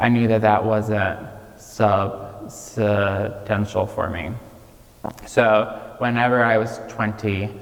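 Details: Childhood apraxia of speech in a 26-year-old man, diagnosed at age 5, nonspeaking until age 5, treated with speech therapy five times a week.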